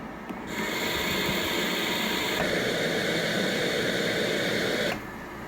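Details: Philips Respironics CoughAssist E70 mechanical insufflation-exsufflation device starting therapy after pressure settings are adjusted: steady whooshing airflow shifting in pitch partway through as the machine pushes then pulls air to simulate a cough.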